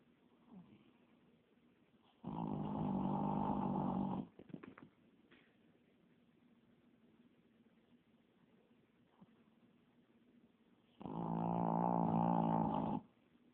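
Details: Sleeping puppy mill rescue dog snoring: two long, loud snoring breaths with a steady rattling buzz, separated by quiet pauses.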